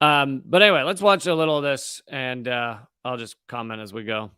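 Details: Adult male speaker; normal speech.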